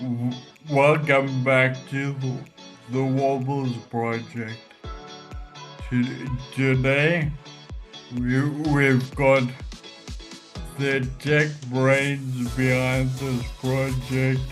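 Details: Adult man with Friedreich's ataxia causing ataxic dysarthria, speech that standard AI speech recognition struggles with; ataxic dysarthria.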